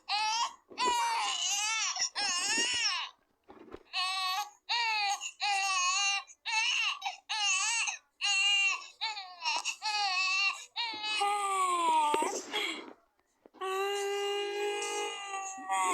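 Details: An infant crying with hiccups: repeated wailing bursts broken by brief hiccup catches.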